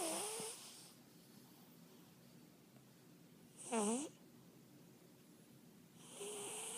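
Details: Cat snoring.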